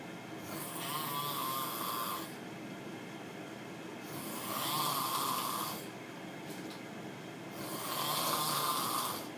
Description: So loud and disturbing room mate